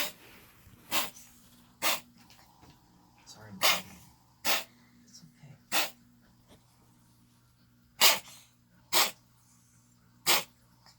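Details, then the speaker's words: Cat's cough-like hacking bout: about eight sharp, short, hissing hacks at irregular intervals; owner unsure what it is, vet visit planned. "You okay? You done hacking?"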